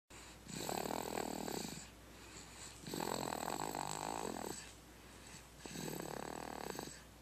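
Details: Snoring: three rasping, fluttering snores, each about a second long, at roughly 25 breaths a minute in a quiet room.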